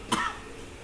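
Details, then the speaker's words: Older adult (elderly patient) performing an effective-cough exercise: three deep breaths, exhaling after the first two, then one short, forceful deliberate cough after the held third breath to bring up phlegm; voluntary cough. "Nah niku kan tarik nafas pertama nggih mbah dihembuskan tar nafas kedua dihembuskan, tarek nafas ketiga mangke dibatuke."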